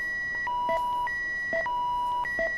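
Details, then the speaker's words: Simulated virtual anesthesia machine low inspired oxygen alarm (FiO2 16%) during a demonstration failure: repeating clear electronic tones in short melodic groups. "so again alarm and the alarm is telling me my fio2 is 16"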